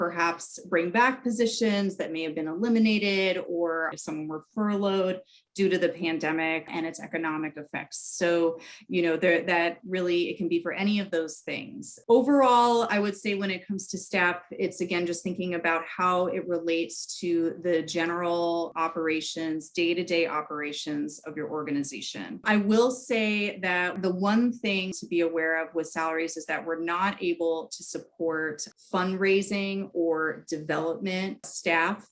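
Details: Adult woman; typical speech.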